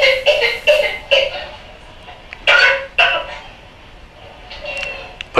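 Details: Whooping cough (pertussis) paroxysm, in a talk on examining children's respiratory systems: a run of short, harsh coughs in quick succession, then a high-pitched drawn-in breath and another cough.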